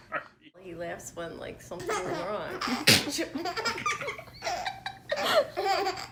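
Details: Baby sneezing: infant babbling and laughter with one sharp burst near the middle fitting a small sneeze, then more giggling and adult talk.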